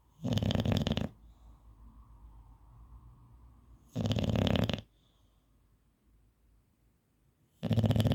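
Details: Bulldog snoring loudly: rattling snores in three long bursts about every three and a half seconds with quiet breathing between, typical of a short-nosed dog.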